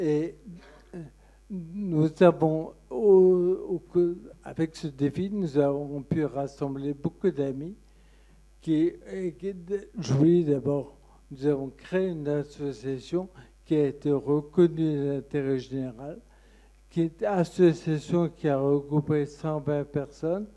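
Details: Man with Friedreich ataxia who sees a speech therapist, speaking at a patient association meeting; ataxic dysarthria (Friedreich ataxia).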